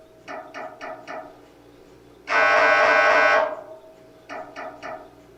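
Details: Sample MRI scanner sounds to prepare patients: groups of rhythmic knocking tones broken by a loud, steady buzzing hum about a second long; MRI scanner noise during imaging.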